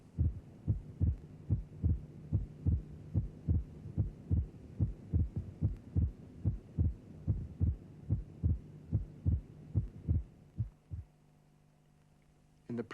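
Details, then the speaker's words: Simulated regular heartbeat near 72 per minute from a cardiac auscultation teaching programme: the second sound splits with inspiration and closes on expiration; physiological splitting of the second heart sound. "lesser degrees of splitting can be recognized with practice for example while each of the two elements of the second sound may be recognizable they may not be completely separated there might simply be a dip in the loudness between the Peaks during normal respiration"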